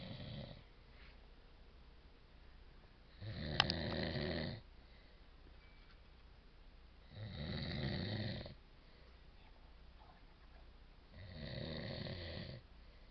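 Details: Three loud, rough, rattling snores on inspiration, about four seconds apart, roughly 15 breaths a minute, over quiet room noise: a sleeping person's ordinary snoring.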